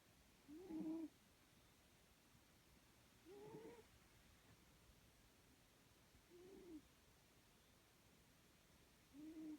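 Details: A sleeping cat gives soft, slightly whistling snores, one on each breath about every three seconds (roughly 20 a minute), against quiet room hiss; snoring.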